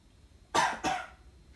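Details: A staged cough in a comedy skit about wearing masks during the virus.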